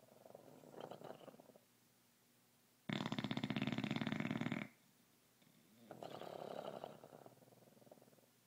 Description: Piggy keeping me up with his glass shattering snore -_-